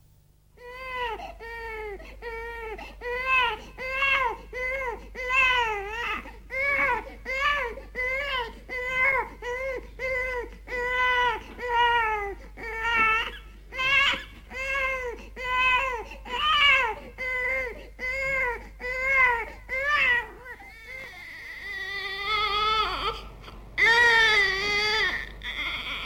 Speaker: now listen to these three recordings of a baby crying and see if you can identify the reasons for them according to this list